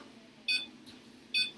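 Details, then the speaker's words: Anesthetized veterinary surgical patient with an ECG via an endotracheal probe: the monitor gives two high, clear beeps about 0.85 seconds apart, roughly 70 per minute, in time with each heartbeat over low room hum. "so we have a nice QRS pqrst wave here you can hear it also beeps in time with the heartbeat so you can see the heart rate"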